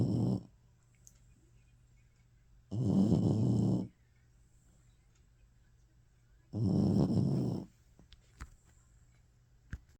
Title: Maddie snoring